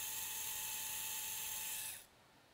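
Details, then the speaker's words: Steady high-pitched motor whine of a surgical drill driving a 0.86 mm K-wire with a depth stop into finger bone for about two seconds, in a PIP joint collateral ligament repair with the finger slightly flexed. "So we'll drill this pin in, and you can see that there is a depth stop on it. We'll go all the way down to that stop."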